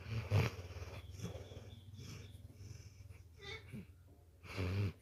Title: My Dog Ramdas😅 Snoring like human😅🐕🐕